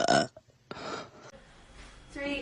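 A brief loud burp followed by a longer, softer belch with quiet room noise behind.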